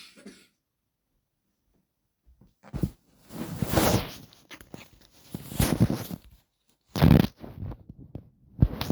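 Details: A few harsh, loose coughs in quick bouts with pauses between, in a quiet room; cough.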